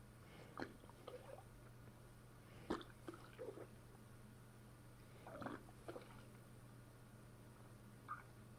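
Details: Bowel sounds brought out by pressing a fist down on the stomach after a long log: short, scattered bubbly gurgles over a steady low room hum; abdominal gurgling (borborygmi).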